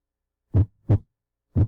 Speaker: so that is seen as ldub ldub ldub and when the first sound the love is the strongest sound and that is the contraction of the ventricles